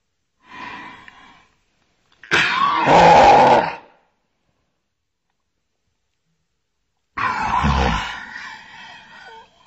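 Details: Woman deliberately forcing herself to sneeze: a short vocal lead-in, then two loud, drawn-out voiced sneezes with a long gap between; forced sneezes.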